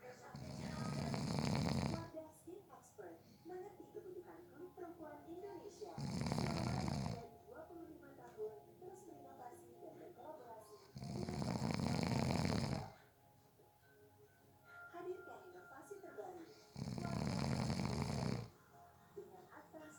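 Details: Person napping who fell asleep within 30 seconds: loud, regular rumbling snores on each in-breath, about four in 20 seconds, with quiet room sounds between; snoring.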